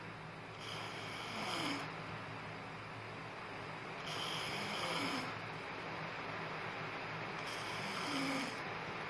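Rhythmic rasping snores over a steady hum of room noise, about 18 breaths a minute: snoring.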